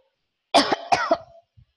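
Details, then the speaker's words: Two short, sharp voluntary coughs from an adult teacher, acted as a demonstration of everyday sounds in a primary school science lesson. "excuse me what am i doing what is what i'm doing coughing i'm coughing and you can hear the sound with your tears"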